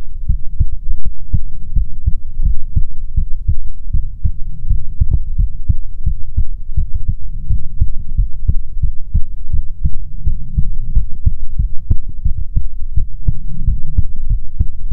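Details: ASMR heartbeat recording, presented as soothing heartbeats from a female persona: steady low thumps, roughly 75 per minute, with a faint hum underneath; normal heartbeat.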